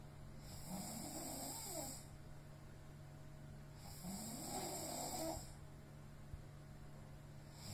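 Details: Heavy snoring during sleep when exhausted: two loud, rough, drawn-out inhaled snores with a brief quiet pause, roughly one breath every four seconds.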